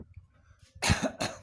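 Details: A person coughs on 19 March: two short, harsh adult coughs in quick succession after a quiet moment.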